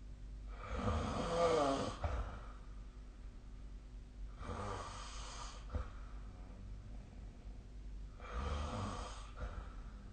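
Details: Snoring during sleep recorded with the SnoreLab app: three rough, rattling snores, each on a breath in, about fifteen breaths a minute.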